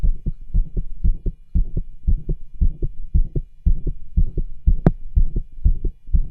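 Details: Cardiology stethoscope over the tricuspid, aortic and pulmonic areas after push-ups to raise the heart rate; fast, regular beats at about 120 a minute with rough, scratchy sounds between beats: murmurs and rubs, most prominent over the pulmonic area.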